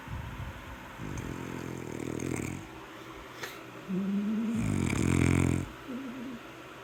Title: The Snoring Monster